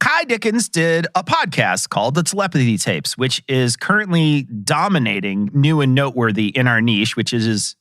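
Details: Adult male speaker; normal voice.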